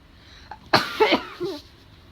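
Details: Allergy-related sneezing: a short inward catch of breath, then one loud explosive sneeze with a brief trailing voiced sound.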